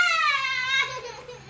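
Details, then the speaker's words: Young child crying while another child has hiccups: brief high-pitched wailing cry falling in pitch and fading; child cry. "so sad 's crying why is crying"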